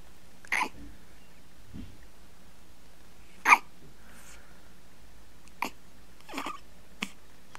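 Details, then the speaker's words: One-week-old baby boy with hiccups after a feed: brief, sharp hiccup sounds at irregular intervals, about five in seven seconds, in a quiet room. "here is look the old man's got hiccups been drinking too much haven't you"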